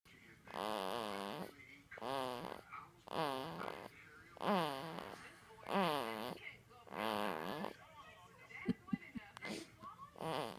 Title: Snoring Baby 2